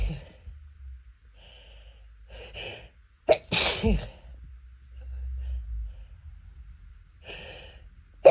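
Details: Person allergic to cats sneezing after a cat comes near: a sharp inhaled gasp, then a loud explosive sneeze, with quieter stifled breaths around it; allergic sneezing.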